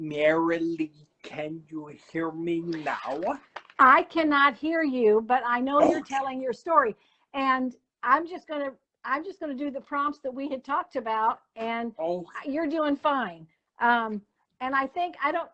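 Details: Adult woman speaking; Normal speech.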